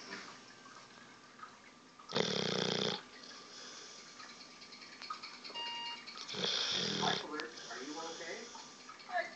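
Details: Two loud rasping breaths over room noise from a sleeping dog; snoring.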